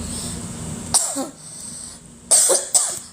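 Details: A woman gives three short, sharp coughs in quick succession, with a throat-clearing quality, over faint room noise; she is sick with a cough.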